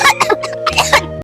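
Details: Several short acted coughs from a child in a playful skit about getting a cough after eating ice cream instead of playing in the rain, with steady music underneath; cough.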